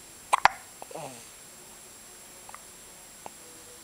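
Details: A three-day-old newborn girl after feeding gives two quick, sharp hiccup catches of breath, then fainter clicks, in a quiet room: hiccups.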